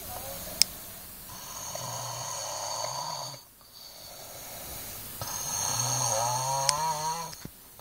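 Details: Snoring from an overweight boy, with Cantonese remarks that he is at it again: two long, loud rattling snores with a whistling edge, each lasting a few seconds, separated by a brief pause; heavy snoring.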